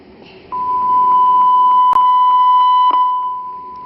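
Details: A Puritan Bennett 980 ventilator sounds a steady, continuous high electronic alarm tone with faint clicks while its alarm volume is adjusted in a training demonstration.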